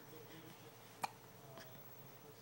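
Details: Hiccup in an infant boy with chubby cheeks; a single soft, abrupt hiccup in a quiet room.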